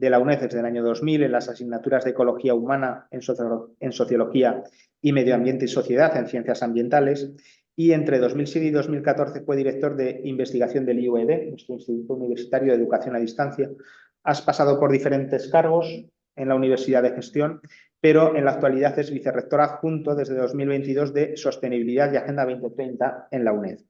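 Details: Adult male speaker; Normal adult speech.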